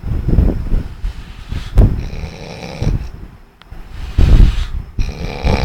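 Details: Loud, low, rumbling snores repeating in rhythm with each breath, recorded close to the microphone.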